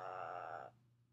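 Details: Clinician (SLP graduate student) deliberately demonstrating vocal fry, the lowest vocal register, as the first step of a vocal fry to modal voice technique used when there is a mass on the vocal folds; acted vocal fry (glottal fry).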